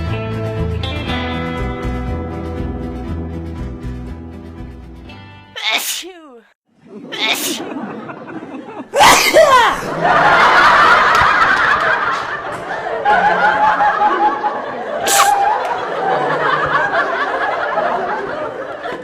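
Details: Single sneeze: music fades, a sharp inhaled gasp, then a loud explosive burst followed by noisy chatter.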